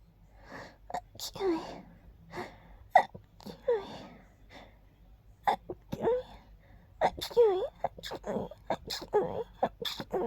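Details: Person deliberately making gentle, girly, breathy sneezes: a run of light sneezes, each with a soft intake and a high, airy release.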